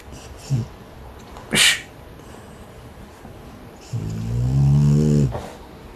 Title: The snoring #frenchbulldog